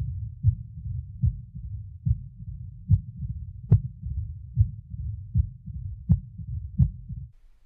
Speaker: a mid diastolic murmur as in mitral stenosis starts a short time after s2 and may follow an opening snap